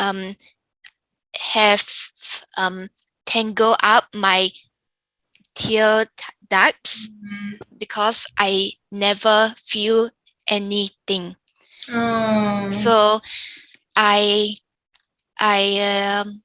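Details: Younger adult woman with aphasia following a stroke; aphasia.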